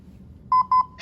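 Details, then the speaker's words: Two loud, steady electronic beeps from a hospital defibrillator in demo with proposed settings: louder analysis alert, no ventilation voice prompts, continuous metronome; "analyzing now, stand clear." "so now we're looking at the laptop analyzed signed to the education department you'll notice it's much louder and then it also does not have the voice prompts for providing ventilation analyzing now stand clear"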